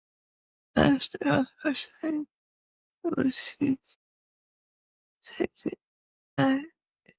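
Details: Slurred speech (ataxic dysarthria) in a woman with cerebellar-type multiple system atrophy (MSA-C).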